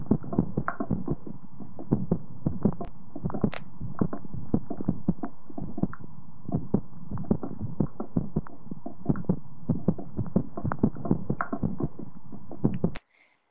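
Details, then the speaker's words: Stethoscope auscultation of a normal dog's heart: clear lub-dub sounds, no murmur, rhythm gently speeding and slowing, sinus arrhythmia, a normal canine finding; faint clicking is recording interference. "you'll noticed or some of you may have noticed that that heart rate or Rhythm wasn't totally regular and that's something called a sinus arhythmia um and it's a normal finding for dogs heart rates"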